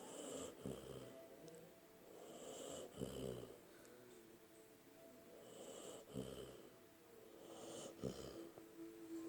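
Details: Snoring in a sleeping puppy: rhythmic, throaty bursts with a croaking, frog-like "bullfrog" quality.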